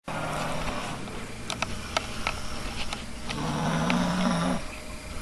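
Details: Person snoring with a cold: low rumbling breathing with a snoring breath toward the end, over steady background noise and scattered light clicks.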